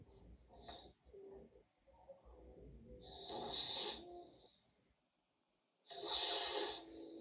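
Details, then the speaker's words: A sleeping child with huge tonsils and suspected obstructive sleep apnea: noisy snorting breaths, then a silent pause of about two seconds ended by a loud gasp. Snoring with apneic pause and gasp. "hear that gasp okay so why is this so important a you want these kids to sleep better but there's an association with obstructive sleep apnea and ADHD"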